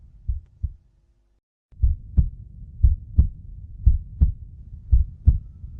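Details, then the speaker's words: Heartbeat from the heart's successive contraction and relaxation pumping blood: regular low thumping beats about 58 a minute after a brief gap at start. "त्यासाठी हृदयाचे सतत एका पाठोपाठ आकुंचन आणि प्रसरण होत राहतं [संगीत] त्यामुळेच आपल्याला हृदयाचे ठोके"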